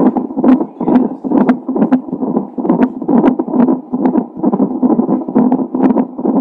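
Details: Fetal heart tones of a baby with Down syndrome, recorded on a Doppler monitor a few hours before birth: rapid rhythmic whooshing pulses at about 130 a minute over a steady hiss.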